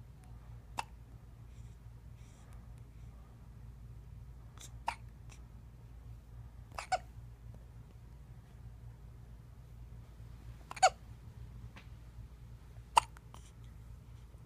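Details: Hiccups in a 2½-week-old baby girl who is otherwise doing great: short, sharp hiccups recurring every two to four seconds over a quiet room hum.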